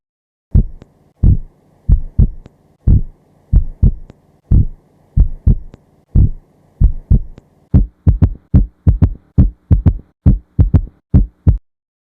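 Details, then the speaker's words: Stethoscope auscultation during a cardiac physical exam: low, dull heart sounds in a galloping three-beat rhythm, with an extra third heart sound after S2, attributed to increased blood volume entering the ventricle. S3 gallop. "yang disebabkan oleh peningkatan volume darah menuju ventrikel."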